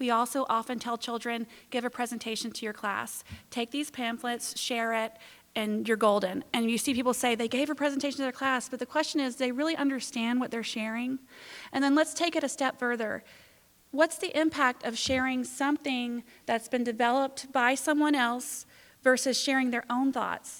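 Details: Adult woman; normal speech.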